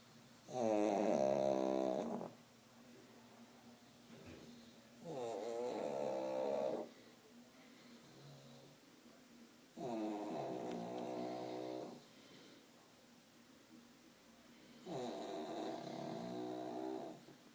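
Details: Two sleeping dogs snoring: four loud, buzzing snores, one every four to five seconds, about 14 breaths a minute, with quieter breathing between them.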